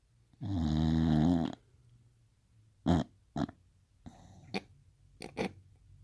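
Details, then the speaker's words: Sleeping female bulldog snoring: one long, loud, buzzing snore, then short snorts and quieter snuffling breaths. "Little girl snores like a baby. Holy crap, I don't think I snore that loud."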